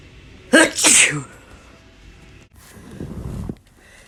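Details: Sneeze from a compilation: a sharp double sneeze burst, followed by quieter rustling and breath noise.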